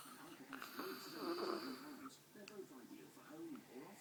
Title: Daddy snoring